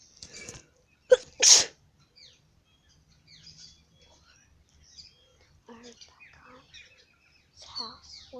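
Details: One loud explosive sneeze after a quick, sharp catch of breath, then quiet room sounds and faint talk.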